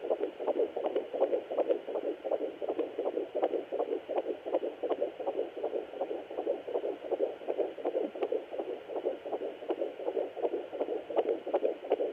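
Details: Fetal heartbeat at 13 weeks 1 day on a Sonoline B fetal Doppler: rapid, regular whooshing galloping beats about 160 a minute, normal.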